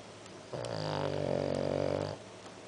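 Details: Sleeping dog snoring louder than a person: one loud, buzzing, rattling snore of under two seconds, quiet room noise around it.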